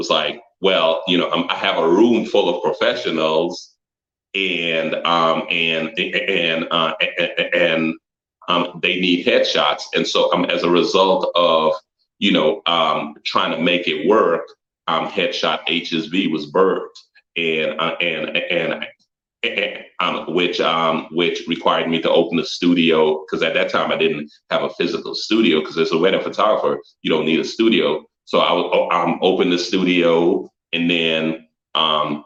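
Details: Stuttering in an adult man who had always avoided public speaking and joined a business networking group as a personal challenge to overcome it.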